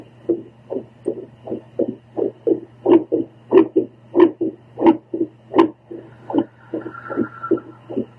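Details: Female heartbeat recorded with a home Doppler while she follows a breathing circle to calm her heart; whooshing pulses with uneven spacing and a steady hum, a mostly very irregular rhythm that slows a little.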